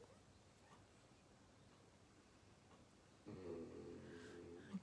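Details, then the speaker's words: Loud, rough, rumbling snore lasting over a second from a French Bulldog sleeping soundly on the sofa: snoring. "My little Frenchie is absolutely soundo on the sofa. I'm so sorry if you can hear her snoring."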